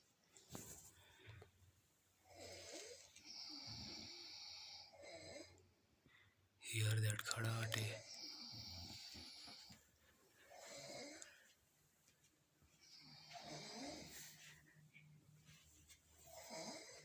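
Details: Boys snoring while asleep: low rumbling snores recur with each breath, with one louder snorting burst midway and faint room noise.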